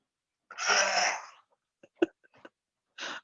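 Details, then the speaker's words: A dog with reflux, despite tablets, gives a harsh, drawn-out hacking cough followed by short gagging bursts: dog cough. "many apologies if you can hear my dog having a cough in the background holly nobody wants to hear that"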